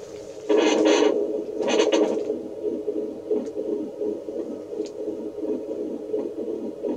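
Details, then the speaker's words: Simulated 8-week pregnancy scan on a reborn doll: rapid, steady, strong whooshing Doppler pulses of a fetal heartbeat during a pretend ultrasound, described as beating nice and strong. "And the heart is nice and strong. Oh, yay! It's beating like a champ."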